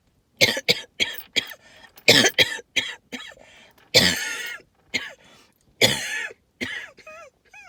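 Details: Wheezing with hacking cough, linked to tree pollen and mold spores: about a dozen short, dry hacking coughs with squeaky, whistling wheezy notes between and after them.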